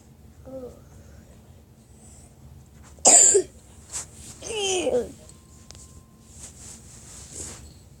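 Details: One sharp cough followed by a second rougher cough burst, with quiet room noise and faint voice sounds between; cough.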